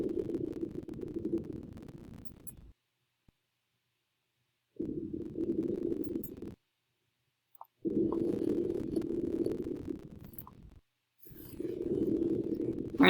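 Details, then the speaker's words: Female patient in a virtual assessment, auscultated anteriorly and posteriorly: soft, even rushing breath sounds with quiet pauses, no crackles, wheezes or rhonchi; crackle-like noises come from the recorder: normal breath sounds. "towns are clear on auscultation no rails reason louises are wrong anteriorly or posteriorly"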